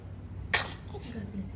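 A single sharp sneeze burst over faint room noise.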